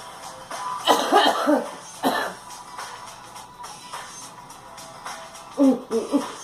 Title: Girl coughing